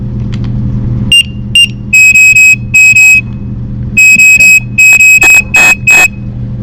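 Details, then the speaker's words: CareFusion ReVel transport ventilator at power-up before a circuit test, repeatedly alarming in short shrill bursts over a low hum as it shows external power lost, running on battery, before the yellow silence/reset button is pressed; ventilator alarm. "will alarm a couple of times you'll see it says external power lost its operating on battery power so we're gonna hit the yellow silence reset button"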